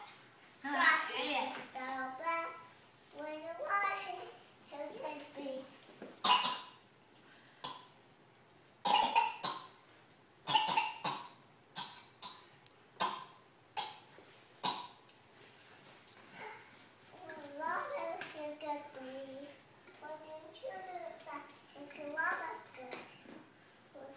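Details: A child sings "Frosty the Snowman" while repeated short, dry cough bursts break up the singing; someone asks if the child is okay.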